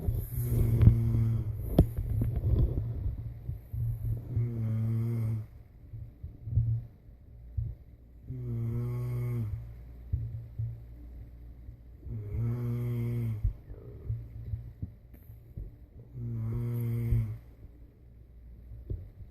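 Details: Adult's own snoring during sleep: loud, rattling snores on each breath in, about every four seconds (roughly 14 a minute), steady low background hum; snoring.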